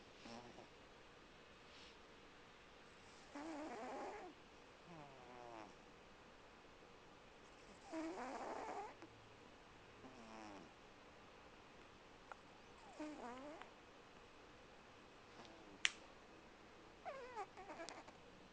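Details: Rhythmic, rattling snores at about 13 breaths a minute from a sleeping 18-year-old cat.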